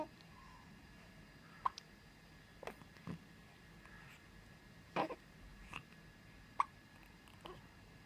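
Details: Repeated hiccups: brief sharp clicks about every second or two, roughly six in eight seconds, over faint room noise.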